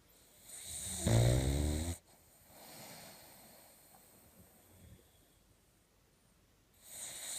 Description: My boxer puppy Mocha-Choca snoring her little head off.